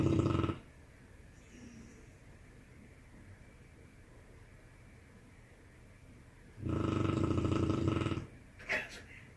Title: my dog's funny loud snoring